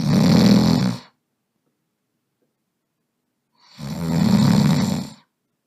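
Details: Simulated cartoon-style snoring, imitating a sleeping Smiling Critters character: two loud rattling snores with silence between them.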